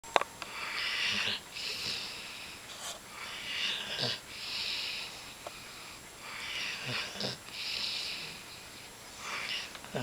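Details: Female Greater Swiss Mountain Dog napping contentedly on a person's lap, snoring with airy, hissing, snuffly breaths in a steady rhythm of about 20 breaths a minute.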